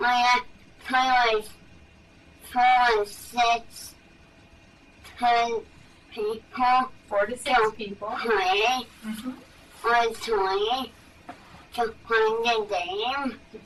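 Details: Dysarthria in a boy, a type differing from the other child's, with hypernasality, strained voice, slow rate and reduced lip and tongue movement; in therapy learning strategies to compensate for the weakness.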